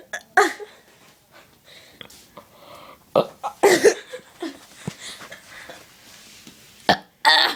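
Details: A sister's burping problem: several loud, rumbling burps one after another, with quieter throaty sounds between; repeated belching.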